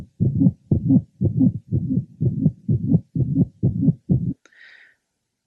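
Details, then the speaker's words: Mitral valve prolapse: a faint, musical late systolic murmur ("systolic honk" variant). "it is generally in late Cy and can be loud or faint [Music] sometimes it is so loud that it can be heard without a stethoscope enabling others in the room to also hear it it can go and still at other times it is very faint and one would hear"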